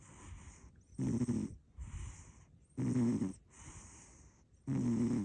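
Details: A short-legged American Shorthair cat snoring with a funny face: regular rough, vibrating breaths in with softer hissing breaths out, about 30 breaths a minute.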